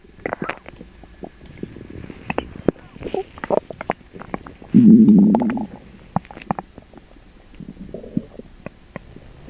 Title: Sugar free gummies attack! (Loud upset stomach noises)